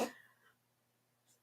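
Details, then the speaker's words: Pet cat coughing: a single short, sharp cough-like burst that fades quickly, followed by quiet room noise; owner suspects a hairball or pollen. "Oh, she's got a cough. It must be a hairball."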